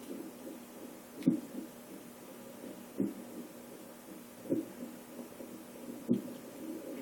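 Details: Four sudden, short hiccups about every one and a half seconds over steady room hum; hiccups.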